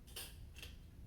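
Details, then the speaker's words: Respiratory therapist demonstrating a shaken metered-dose inhaler pressed into a spacer with a one-way valve: two faint hissing puffs over a low hum as the spray dose is released. "So I've shaken it up, index finger on the top, thumb on the bottom. I'm gonna press down."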